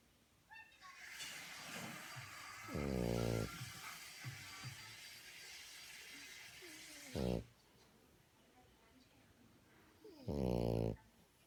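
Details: Female French bulldog asleep, snoring loudly: three buzzing, vibrating bursts over steady noisy breathing.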